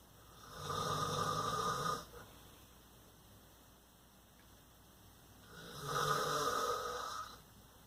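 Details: Two loud, rough, rattling snores roughly every five seconds with quiet between, from a father sleeping at night in the dark; ordinary snoring.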